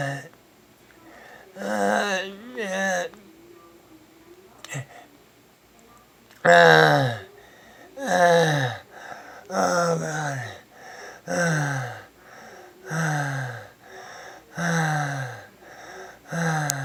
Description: Sounds of stridor